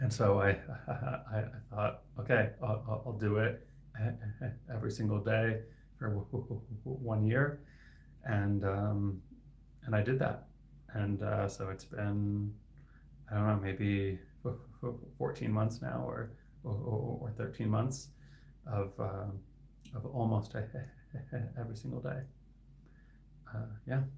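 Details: Adult male speech-language pathologist who stutters; his stuttering is inconsistent, sometimes with words stuck for about 15 seconds; repetitions heard; stuttering.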